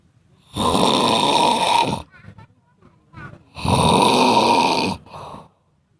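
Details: Cat snoring: two loud, rasping, whistling breaths in, each followed by a short snort out, about 20 a minute.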